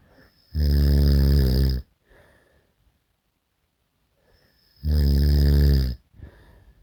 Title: SNORING SOUND EFFECT